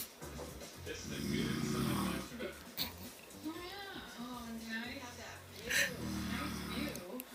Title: Dad snoring